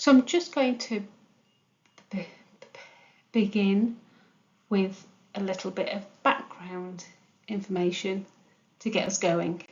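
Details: Stammering (stuttering) in an adult woman who stammers and works for a national stammering charity; she attributes it to a physical basis, with the brain's speech centres working differently; real, not acted.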